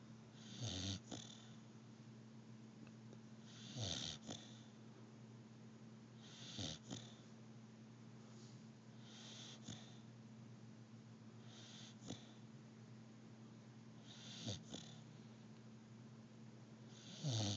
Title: Sadie the pitbull snoring